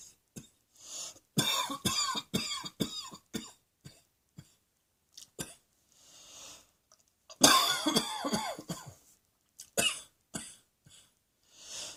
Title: Cross Dressing Coughing 67